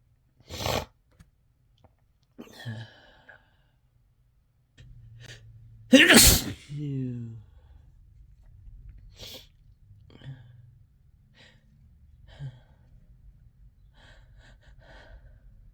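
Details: Sneezing set off by chhinkni, which left the person sneezing uncontrollably: one loud, harsh sneeze with a sharp intake before it, followed by sniffing and heavy breathing.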